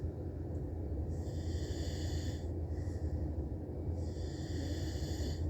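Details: Man snoring: deep, rumbling snores with a whistling edge on each breath, roughly three in five seconds; snoring.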